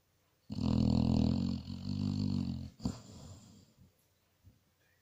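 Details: Sleeping basset hound gives a loud, rough, rumbling snore with a fluttering buzz, then a snort and quieter breaths; snoring.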